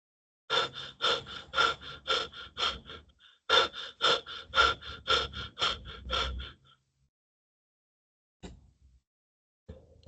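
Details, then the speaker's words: Biot breathing, an abnormal pattern explained as following brain injury that inhibits the respiratory centre: two clusters of rapid, gasping breaths at about 110 a minute, each followed by near-silence (apnea). "debido a que el cerebro normalmente controla la respiración, pero en caso de sufrir una lesión, el centro respiratorio será inhibido y solo comenzará a funcionar nuevamente en caso de un fuerte estímulo."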